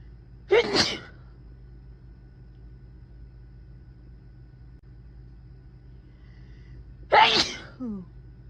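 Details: Deliberately induced sneezes after an intense nasal tickle, some loud and some soft or stifled: two sharp, forceful sneezes several seconds apart, the second followed by a brief softer sound.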